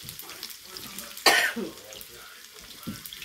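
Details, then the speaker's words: A single loud cough from a person in a household where the family is sick with coughs, with kitchen sizzling and a quieter sound just after; cough. "May mga sakit pa po ang tao dito. Grabe, inuubo po kami. Naawa ako ng family ko. Narinig niyo po, inuubo rin yung ano ko."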